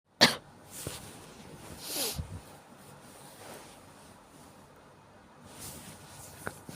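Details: One sharp cough from someone with a common cold, then faint breathy sounds and soft room noise.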